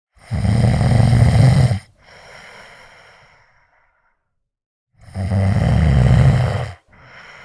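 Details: A sleeping cat snores with loud rattling inhalations followed by softer, quieter exhalations; snoring.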